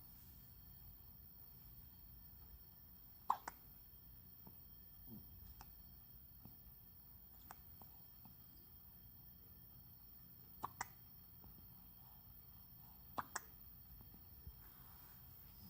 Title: Baby hiccups